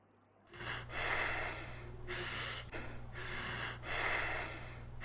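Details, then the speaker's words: Kussmaul breathing in a hyperventilating patient with diabetic ketoacidosis, as heard on auscultation: deep, long, labored breaths in and out, each lasting over a second. "on auscultation you hear the deep and labored breath and this breathing pattern is known as Kosmos breathing pattern now use your headphones and here these cosmos breathing sound"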